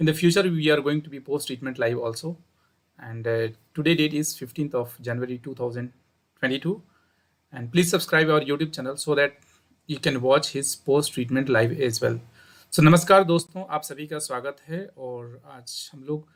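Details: Adult male speaker; normal voice.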